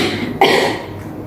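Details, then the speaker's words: Nursing demonstration, acted: after three breathing-exercise cycles, patient asked to cough hard (effective cough) to bring up sputum; single short, forceful deliberate cough in a quiet room; voluntary cough. "Yang ketiganya itu yang keras ya, biar dahaknya keluar."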